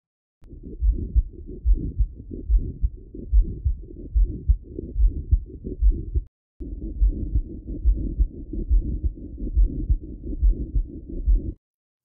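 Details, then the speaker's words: Pericardial friction rub of acute pericarditis: low scratchy, grating sound at about 70 a minute, usually best heard at the left lower sternal border with the patient leaning forward, from inflamed visceral and parietal pericardium rubbing. "It's a scratching and or grating sound usually heard best at the left lower sternal border with the patient leaning forward. It occurs due to abnormal friction between the inflamed visceral and parietal paricardium."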